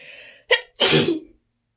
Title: sneeze after sneeze after sneeze